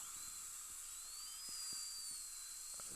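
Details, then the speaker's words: High-pitched dental drill whine rising and falling in pitch as a 330 bur slowly cuts the thickest portion of a fractured upper all-on-4 fixed implant-supported prosthesis during repair, with suction and soft background knocks. "um we'll do it with the same 330 Burr and we're going to go in the thickest portion of the Denture assuming that there's no tissue right below us and more than likely there's none but I'll go still go as slow as I can go a suction please"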